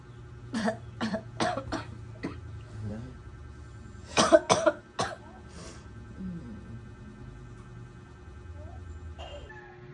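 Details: Mother with cough and fever of 37.8, reporting headache when she coughs: a run of about six short, dry coughs, then a quieter pause with faint room noise and a throat sound.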